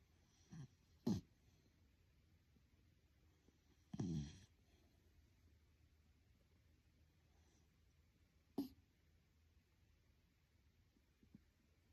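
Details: Sleeping small miniature schnauzer puppy napping: a few short, irregular snorting snores separated by long quiet gaps; light snoring.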